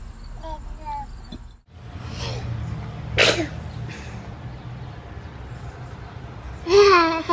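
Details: A baby sneezing: a brief, sharp infant sneeze amid room noise, with adult voices, laughter and music in the background.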